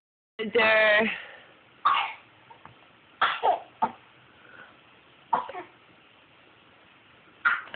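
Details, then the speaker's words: Mother having a sneezing fit while her child laughs: a drawn-out voiced sound, then several short explosive sneezes with quiet gaps and some throat clearing; sneezing. "Oh, Mommy's got a case of the sneezes. Do you think it's funny Mommy's sick?"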